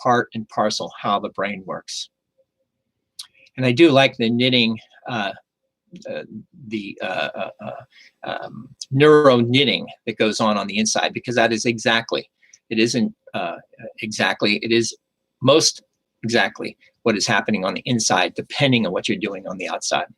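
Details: Aphasia with word-finding difficulty after a stroke, in a stroke survivor who has continued speech therapy.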